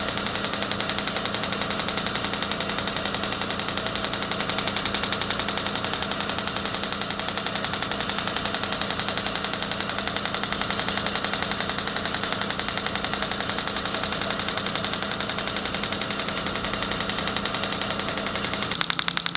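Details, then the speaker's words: Rapid, steady pneumatic-hammer-like tapping without a break: Storz MP 200 radial shockwave device with separate compressor (up to 5 bar, 21 Hz) treating plantar fasciitis of the foot, by a physiotherapist. "a shockwave therapy machine the MP 200 uses a separate air compressor which allows us to reach a power of five bars and 21 Hertz"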